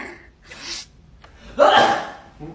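A sharp indrawn gasp followed by a loud, explosive sneeze burst; background talk in a small room.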